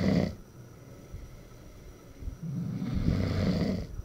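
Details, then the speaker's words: Low rumbling snores from a sleeping dog around 2 a.m., with two breaths heard in four seconds and quiet room noise between them; snoring. "cuando pensamos que íbamos a poder dormir empezó a roncar también el cha cha"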